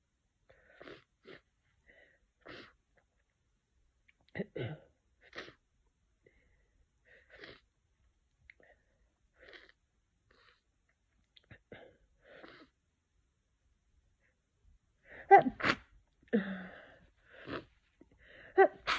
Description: Lots of sniffing. Will try to do more recordings as my cold progresses.